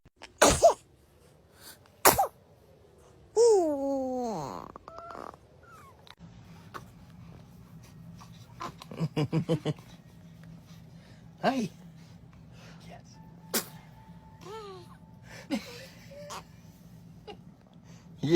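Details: Baby sneezing: two sharp sneeze bursts, then a brief infant cry and soft fussing over faint background music.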